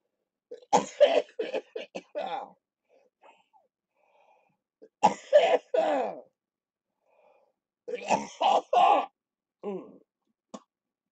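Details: Three bouts of forceful, repeated coughing, several coughs each, separated by short pauses with faint breathing: a productive cough in cystic fibrosis during lower-lobe chest therapy on a live stream, with the patient reporting chest rattling.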